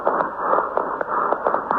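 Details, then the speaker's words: Amphoric breath sounds: a hollow blowing noise like air passing through a wide tube, usually unilateral, reflecting communication between the bronchi and a cavity such as a pneumothorax. "el sonido anfó nos hace referencia a la similitud del paso del aire por un tubo de Gran calibre normalmente es unilateral"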